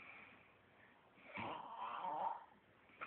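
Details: Sleeping man snoring: a single rough, fluttering snore about one second long rising out of quiet breathing.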